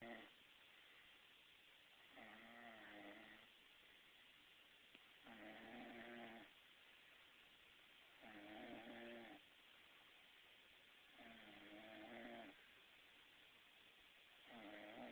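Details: Regular, drawn-out buzzing snores, about 20 a minute, each with a wavering tone, separated by quiet pauses: steady snoring during sleep.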